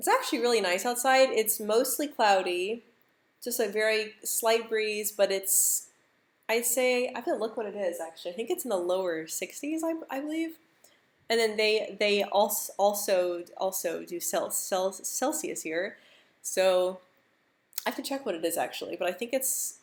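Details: Adult woman who stutters, speaking live; she describes her move from the US to the Netherlands as a very stressful period; stuttering.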